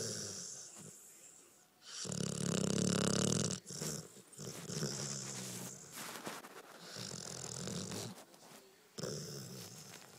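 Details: 1-year-old pit bull dog snoring while asleep and dreaming, recorded close up on a phone: loud, rough, rattling snores with snorty bursts and quieter breathy stretches between them.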